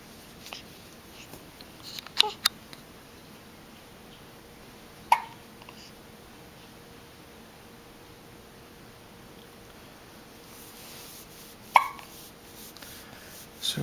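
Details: Infant hiccups: brief sharp hiccup sounds repeat irregularly, about four in fourteen seconds, against quiet room noise while the baby waits for milk until the hiccups stop.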